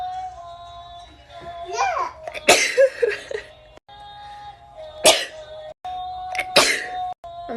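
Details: Three sharp, explosive sneezes, the first preceded by a rising inhaled build-up, over background music; from a sneeze compilation.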